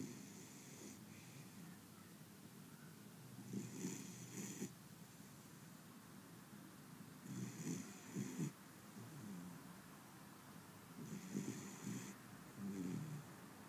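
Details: 6-month-old Beagle puppy asleep: rough, rattling snores about 16 a minute, some breaths doubled, with airy hiss on each; ordinary snoring.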